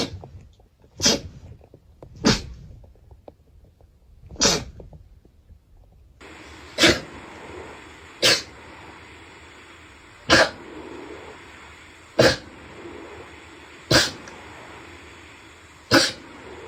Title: sneeze 101-110